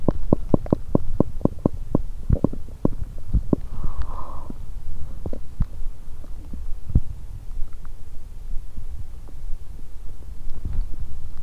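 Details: Abdominal gurgling and rumbling from a woman on day two of her period with abdominal pain on one side ("this side hurts"); her stomach is growling.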